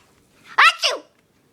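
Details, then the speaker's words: A person who can't stop sneezing: a single short, sharp, explosive burst of air after a quiet intake; sneeze. "can't stop sneezing why can't I oh oh oh God bless me oops he stupid sneezing"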